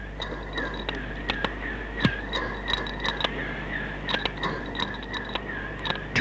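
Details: Breathing through face mask valves by a man running on a treadmill at 10 km/h while his heartbeat is monitored, his heart rate faster than a resting companion's: exercise breathing.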